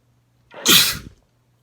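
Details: One loud, wet sneeze from a male, with a short indrawn breath before the burst; sneezing.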